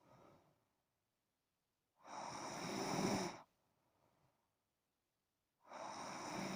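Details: A son asleep: long rasping snores on each breath in, roughly 17 breaths a minute, with quiet gaps between; ordinary snoring in sleep.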